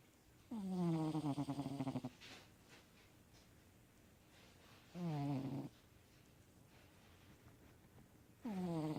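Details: A sleeping cat snores loudly, with buzzing, fluttery snores repeating roughly every four seconds in a quiet room.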